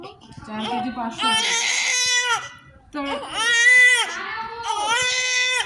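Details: Newborn baby's first cries just after birth, strong repeated crying bursts with vigorous breaths, adults talking nearby; newborn cry.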